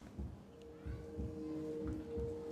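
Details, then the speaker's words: Human heart sounds played in a classroom demonstration: regular low paired thumps at roughly 60–70 beats a minute with a steady musical hum behind; normal heartbeat. "this is the sound of the human heart beating on average our hearts beat about 70 times a minute that's about 100,000 beats a day"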